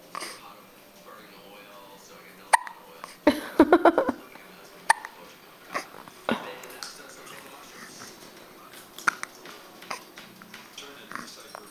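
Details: Recorded December 2009: several sharp, abrupt hiccup catches at irregular intervals, with a brief noisy stretch midway and quiet room noise; hiccups.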